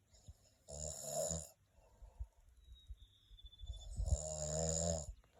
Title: Turkey Snore